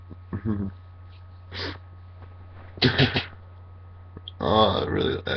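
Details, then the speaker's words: Repeated sneezing in a person congested just after waking: several sharp, explosive sneezes, some with a voiced cry at the start, about three in a row, the last ending cough-like, in a quiet room with a steady hum. "like i think that was three sneezes in a row but the last one yeah they sounded like coughs at the end was really weird"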